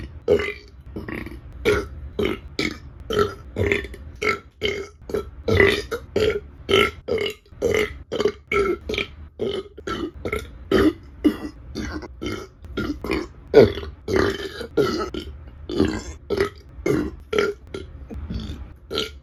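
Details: A rapid run of about thirty short, small burps from an adult woman, taken from a burping compilation; belching.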